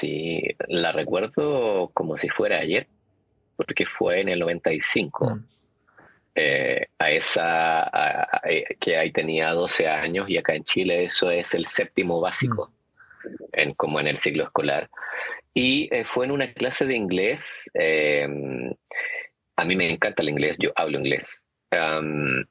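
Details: Stuttering in an adult Chilean man who has stuttered since childhood and still stutters as an adult, described as a neurobiological condition, speaking Spanish in an interview.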